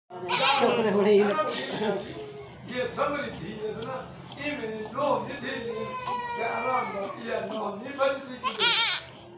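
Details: Newborn baby crying immediately after delivery: repeated high, wavering wails with short breaths between them, a normal cry just after birth.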